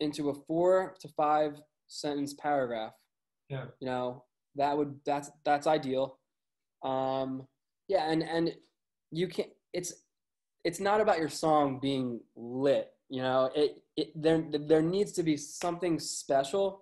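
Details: Adult male with a lifelong stutter, with word and phrase repetitions; stuttering.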